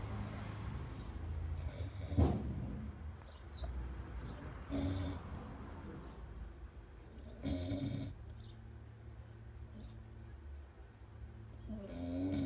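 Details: Sleeping small dog snoring like a person: low, rough snoring breaths with snorting bursts every few seconds over steady background noise.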